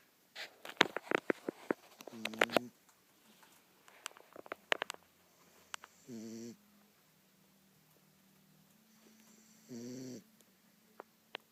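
Rhythmic rattling snores on breathing in, about every four seconds, between scattered clicks and rustles: snoring.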